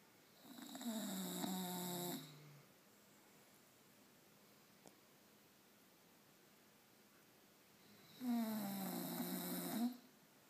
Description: My lovely bull dog snoring away! Typical day for a lazy dog. Haha